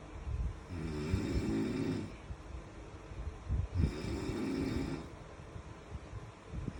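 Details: Two deep, throaty snores about three seconds apart with some background noise; ordinary snoring.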